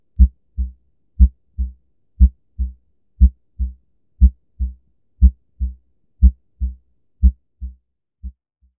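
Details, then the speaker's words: Animated children's educational heart sound: clean, regular lub-dub pairs at about 60 beats a minute with quiet gaps; a normal heart with one-way valves, beating more than 60 times a minute. "a normal valve opens and closes like a one-way door it makes sure that the blood flows in one direction only you a normal hot pumps more than 60 times each minute and sounds like this"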